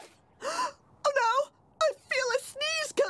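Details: Female playing a "Torpedo Girl" character: several drawn-in, voiced gasps in quick succession, the breathing that builds up before a sneeze.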